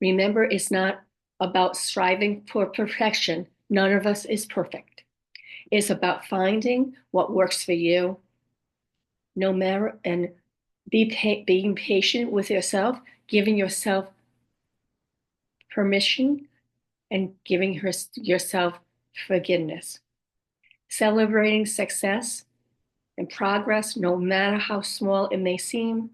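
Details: Aphasia and apraxia of speech in a woman after a stroke at age 58; she reports her speech is sometimes really hard to understand and that she repeats words to get them out.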